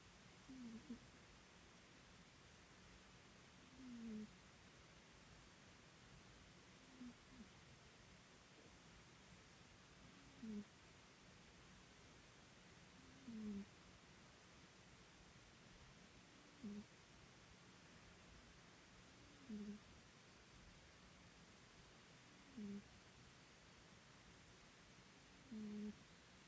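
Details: Sleeping Bengal cat snoring: soft, low, short snores repeating about every three seconds over steady background hiss (please raise the volume).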